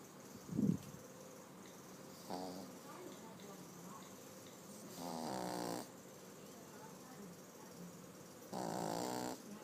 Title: Pug puppy Homer snores in sleeping